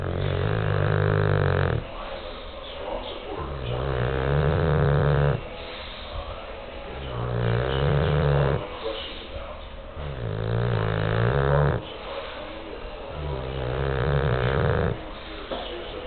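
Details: Sleeping bulldog: loud, rough, rattling snores about every three seconds, each breath vibrating noisily; snoring.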